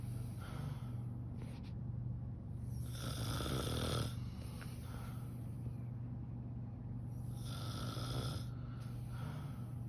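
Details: Two or more sleepers, a mother and grandmother, snoring together: low rumbling snores rise and fall and overlap over a steady background hum; ordinary snoring.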